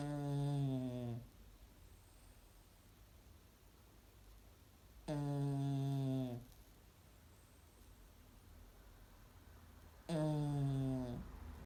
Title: Snoring dog